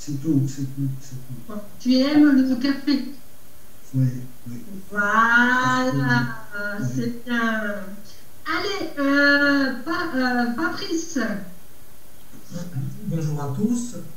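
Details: Adult man, aphasic for a little over a year after stroke, who says he speaks very badly; Broca's aphasia.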